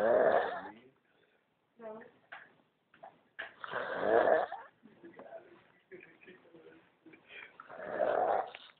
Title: Funny Snoring